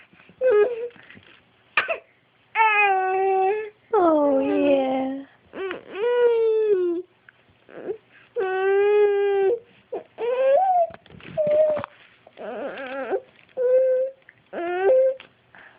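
Repeated crying and whimpering bursts with rising and falling pitch from an infant in a quiet room; an ordinary infant cry.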